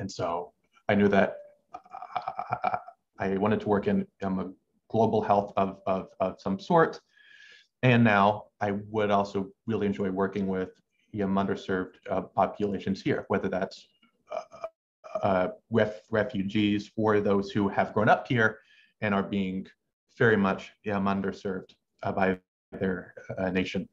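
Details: Adult male medical student who has stuttered since about age six, with uncontrollable pauses he has learned to mask; stuttering.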